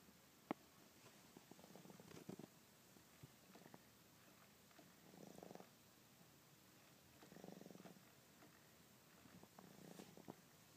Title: Snoring Baby